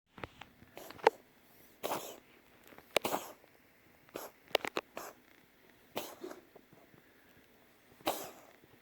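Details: A person sneezing: a series of about six short, sharp sneezes spaced a second or two apart, with small breaths between, in a quiet room.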